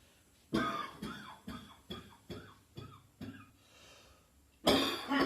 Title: New Year Coughing, Gagging and Spitting